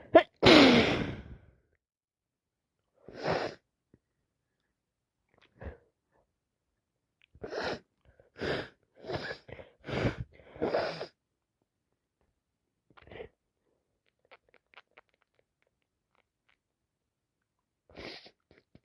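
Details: Acted cold scenario: a loud sneeze, then a run of short sharp sneezes and breathy catches, as with a heavy cold; repeated simulated sneezing.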